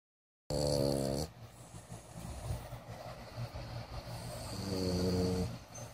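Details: Sleeping dog snoring: deep rumbling snore tones at the start and end, with a low steady rumble between.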